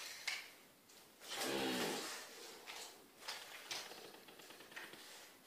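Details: Wild deer that jumped through a house window and badly injured its right rear leg, tranquilized by dart and a hand-given dose, gives a rough, fluttering snore-like breath amid rustling and clatter: snoring.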